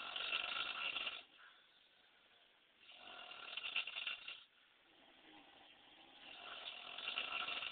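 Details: Adult woman snoring at 3 a.m.: three rough, fluttering breaths, each about a second long, with quiet pauses between them; snoring.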